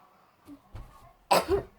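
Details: Simulated cough faked by a child as a prank: one loud, harsh cough burst after a couple of faint throat sounds.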